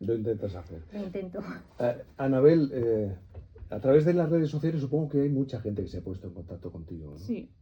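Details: Adult speakers in conversation, likely radio interview; normal speech.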